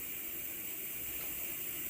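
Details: Steady soft hiss of rushing air from a heated high-flow nasal cannula system, delivering oxygen flow during a respiratory therapist demonstration.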